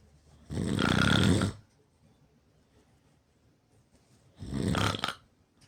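Two loud, rough, low-pitched snores about four seconds apart, with quiet breathing between them: heavy snoring during sleep.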